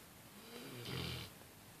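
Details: Loud snoring: a single brief, low rattling snore over faint room noise.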